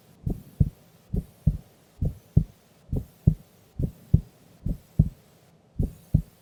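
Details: Female asleep during an afternoon nap: steady regular lub-dub beats at about 66 a minute with clear pauses between them; normal heart sounds.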